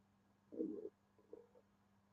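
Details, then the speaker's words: Loud growl from a hungry person's stomach during a livestream: stomach rumbling (borborygmi). "you didn't hear that my tummy just growled like really loudly so it's it's very hungry"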